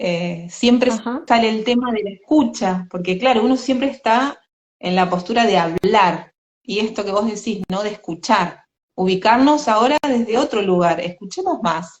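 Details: Adult woman speaking Spanish; Normal speech.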